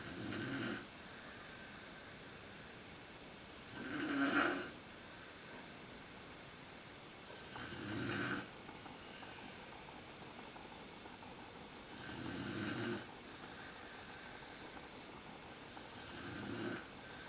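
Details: Mother snoring in a dark room, recorded on a PowerShot SX130IS camera; snoring worst at sleep onset. Loud rasping snores on each inhalation, about 16 a minute, with quiet gaps between: snoring during sleep.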